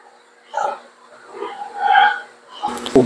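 A pig gives several harsh, hoarse coughing bursts in a quiet barn, a sign of a severe respiratory cough.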